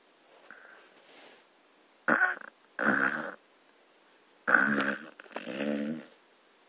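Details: Staffordshire bull terrier dog snoring like a pig while asleep.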